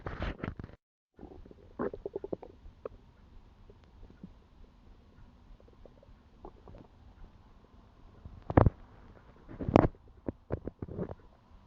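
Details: Self-recorded own stomach sounds: irregular gurgles and squelches from the belly, louder bursts near the end, quiet background; ordinary stomach growling (borborygmi).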